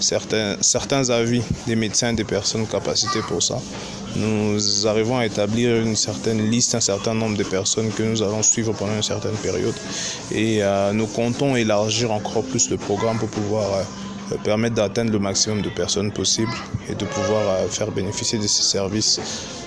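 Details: Adult male speaker; normal speech.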